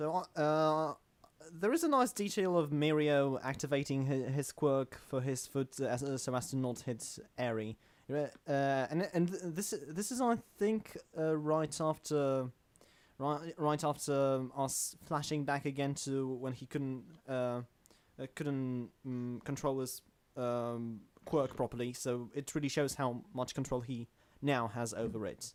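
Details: Adult male self-described stammering host; stuttering.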